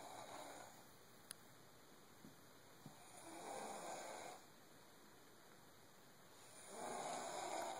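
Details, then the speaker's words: Snoring: soft, hissing breaths in a quiet room rising and fading about every four seconds, a light snore. "snoring. He sounds really funny."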